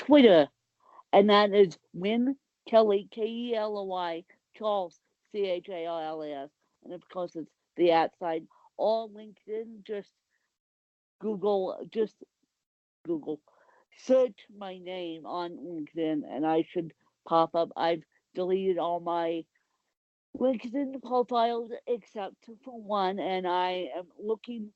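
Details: Dysarthric speech in an adult woman with cerebral palsy; the exact speech difference is not named.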